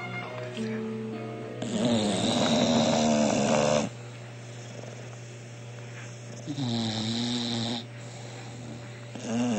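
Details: Bulldogs snoring in sleep: loud, rough, vibrating inhalations, about two in ten seconds, over steady room hum.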